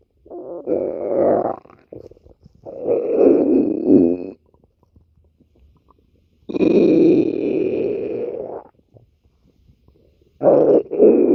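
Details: An adult's stomach growling (borborygmi): gurgling, rumbling bursts of a few seconds each with quiet gaps between.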